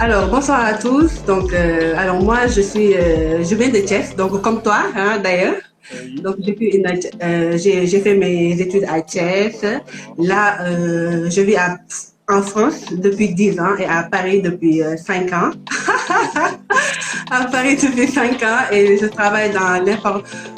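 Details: Adult Senegalese woman who stutters: stuttering.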